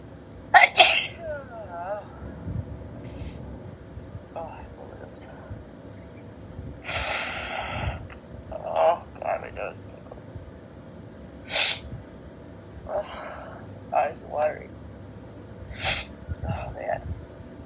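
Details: Female with tickly dust sneezes who tries to announce each sneeze: a series of loud, explosive sneezes, several with a build-up breath; repeated sneezing.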